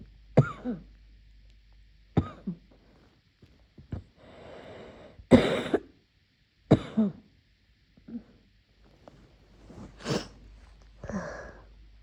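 A muffled run of about eight harsh coughs over twelve seconds, with noisy breaths drawn between them.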